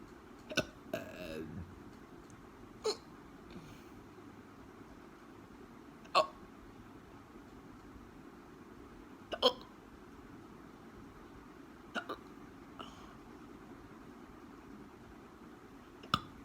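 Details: Hiccups: sharp, brief hiccups repeating about every three seconds, roughly 18 per minute, against a steady quiet hum.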